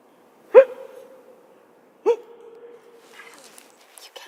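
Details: A bad case of hiccups: two sharp voiced hic sounds about 1.5 seconds apart, each with a short trailing tone.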